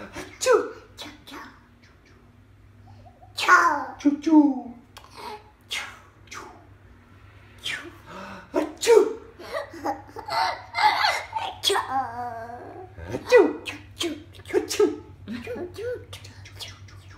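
A child's acted sneeze, a sharp explosive burst, among brief voice sounds over a steady low room hum.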